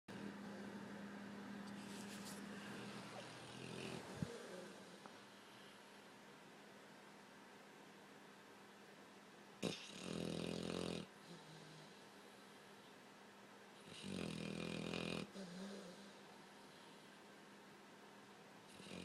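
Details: Overweight blue nose pitbull sleeping with odd facial movements, two loud, coarse, fluttering snores about four seconds apart over a low background hum; loud snoring.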